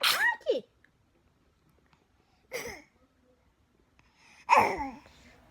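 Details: A man sneezing: three separate sneezes, each a sharp burst of air with a voiced tail, separated by quiet pauses in a small room.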